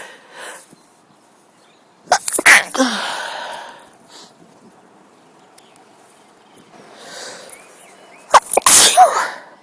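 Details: Sneezing fit outdoors in a park on a sunny, breezy day, thought to be from a cold though a mild tree-pollen allergy is suspected (grass pollen worse): two bursts of sharp, explosive sneezes a few seconds apart, faint birdsong.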